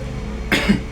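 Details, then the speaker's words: Single short, rough cough over faint room noise from a 36-year-old man with over a month of cough, itchy throat, feeling feverish, white foul-smelling phlegm, no colds; clinic consultation; cough. "Balik paalikong ubo sir. Okay. Ilan na kaadlaw imong ubo? Ilan araw na po?"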